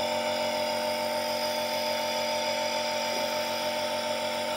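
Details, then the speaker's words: Medtech Handyneb Super compressor nebulizer switched on with medicine loaded, mouthpiece fitted for use; loud, steady motor hum with a fast buzzing pulse, running normally. "तो दोस्तों आप यहां पर देख रहे हैं किस तरीके से नोबल आइस कर रहा है इसको तो काफी अच्छे से वर्क कर रहा है"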